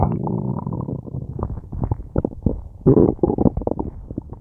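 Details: Person with a tummy ache: loud, long, gurgling and squeaking rumbles from the belly; very active, loud bowel sounds (borborygmi).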